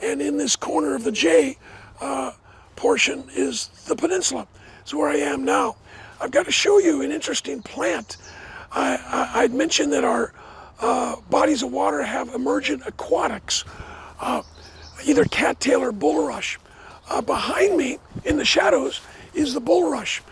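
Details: Adult man with dysphonia after partial vocal cord resection: two bouts of vocal cord cancer, one third of the vocal cords removed in 2008, leaving a raspy voice; never a smoker, cancer probably caused by secondhand smoke.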